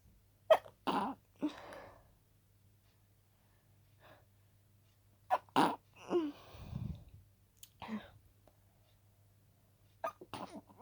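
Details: Harshly stifled sneezes at night: several sharp, muffled bursts with held-back air in a quiet room.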